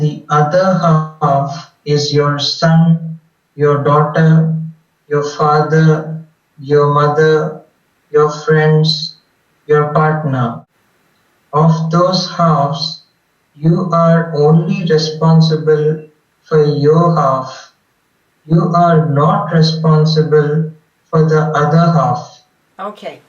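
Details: Adult man speaking; normal speech.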